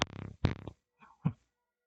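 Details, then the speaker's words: Adult with chronic cough, coughing on a microphone while speaking. "anyways uh the reason is because i i do have chronic cough so i don't want to hear what everybody me coughing on mike so i got my cough drops here ready just in case"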